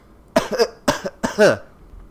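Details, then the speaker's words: Acted cough in a staged historical podcast scene: three harsh cough bursts in quick succession, which the character blames on asthma. "I'm very sorry, but my asthma seems to be giving me troubles."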